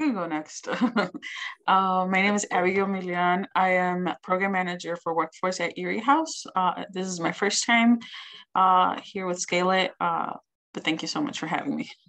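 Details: Adult speaker; normal voice.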